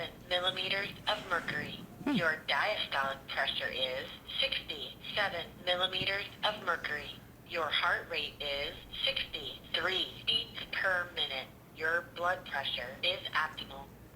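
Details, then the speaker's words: SmartHeart Premium talking blood pressure wrist monitor: a synthetic female voice announces the systolic pressure reading aloud over faint background music; the monitor talks for users with vision impairment. "now that wasn't me lightening my voice and that was the monitor so it talks okay"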